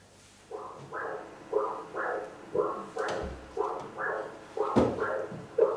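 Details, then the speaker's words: Rhythmic whooshing pulses at about 60 a minute from a Doppler echocardiograph, the sounds technicians use alongside the images to judge the direction and force of blood flow across a heart valve. "but here are some sounds that are made okay so these are sounds made by an echocardiograph"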